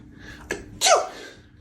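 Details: Quick sharp intake, then one loud explosive sneeze by a mother, acted for comic effect in a skit comparing how moms and dads sneeze.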